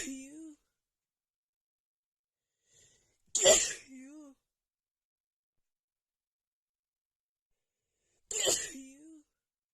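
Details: Female's sneezing fit right after visiting a home with cats: two forceful sneezes with sharp bursts of air and brief vocal trailing; powerful, rapid sneezes, with nose blowing.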